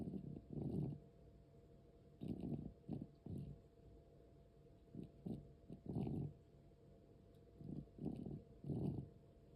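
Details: Cat aged 13 years 4 months with asthma: quiet, rough, rattling, irregular noisy breathing at about 22 a minute. This breathing also occurs during sleep and sometimes stops.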